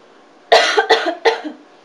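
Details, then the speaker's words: Voluntary cough by a patient asked for a deep breath and cough at the end of a small volume nebulizer treatment, during a respiratory care procedure check-off: three short, moist-sounding coughs in quick succession. "encourages and assist the patient to cough give me a nice big deep breath and a cough"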